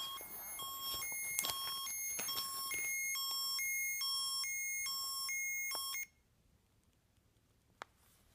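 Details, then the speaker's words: Chemotherapy infusion pump alarm at end of final FOLFOX round, stage 3 rectal cancer patient with ileostomy: repeating high-pitched electronic beep pattern for about six seconds, then quiet. "अगले दिन मेरा chemo pump alarm चला गया पिछली बार मुझे"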